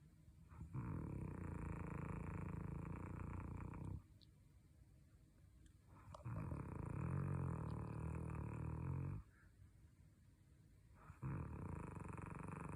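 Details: Snoring with a cat reacting to it: loud, rough rattling snores lasting about three seconds each, about three in twelve seconds, separated by quiet pauses.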